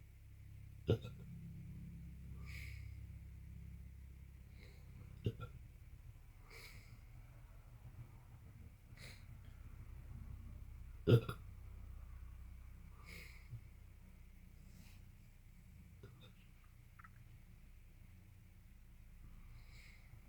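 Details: Man with constant hiccups for 3 days, recurring after a similar episode over a week earlier, unhelped by medicines: repeated sharp hiccups every few seconds over a low room hum; persistent hiccups.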